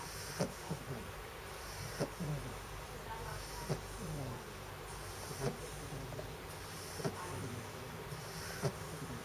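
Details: Pug dog snoring: snorting, snuffly snoring from a small flat-faced dog, with short sharp snorts recurring roughly every one and a half seconds.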